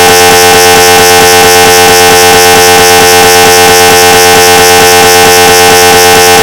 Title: 5 minutes of GE 750w 3T MRI sounds (recreation) (realistic)